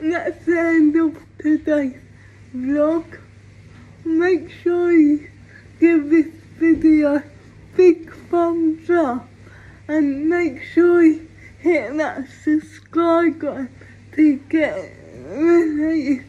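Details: Female with cerebral palsy; speech of a person with cerebral palsy (specific speech disorder not named; possible dysarthria).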